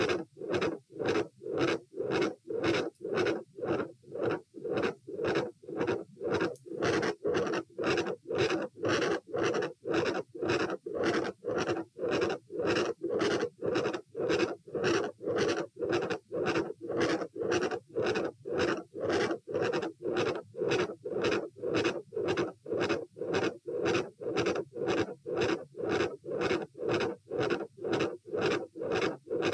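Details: Stress-test auscultation at position A while sitting, standing/bobbing, then lying (84-114-90 bpm): fast regular beats about 113/min, steady whooshing continuous murmur between beats, and a large, loud second heart sound.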